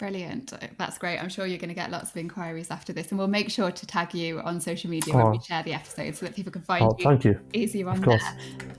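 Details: Adult woman speaking; ordinary speech.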